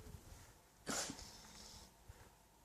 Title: Sneezing Alpacas